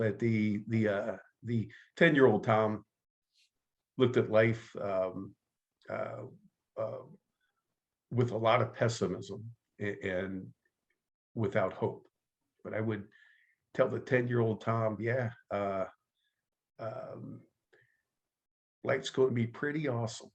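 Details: Adult man who stutters, active in the stuttering support community for over 25 years; stuttering.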